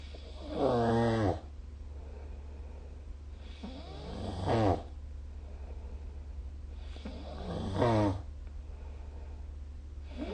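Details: Snoring during sleep recorded with the SnoreLab app: loud rhythmic snores about every three seconds, a vibrating rattle on each breath.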